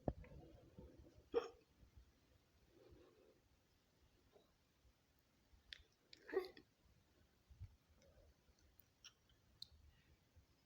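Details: Soft sudden gulping catches, about two in ten seconds with faint breathy sounds between, quiet room; hiccups edited into a collage.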